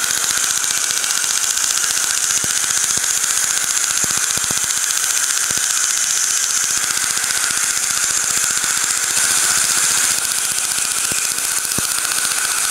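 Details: Dental laser used for veneer removal: steady high-pitched hiss with rapid snapping pulses; dental laser in use.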